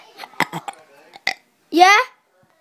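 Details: Kid burping: a few short vocal sounds, then one loud, drawn-out, throaty burp lasting about half a second.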